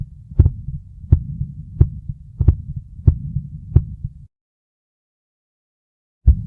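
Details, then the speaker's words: Hypertrophic obstructive cardiomyopathy murmur at about 88 beats a minute: a crescendo-decrescendo mid-systolic murmur, described as high-pitched, heard best at the lower left sternal border and not radiating to the carotids. "the particular murmur is high based crescendo decrescendomid systolic power heard best at the lower uh left sinal border so let's hear how it is heard on auscultation"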